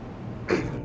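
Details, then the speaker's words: Adult with Tourette syndrome makes one brief throat-clearing vocal tic over low background rumble. "I call my head I have Tourette's syndrome that's by making that noise"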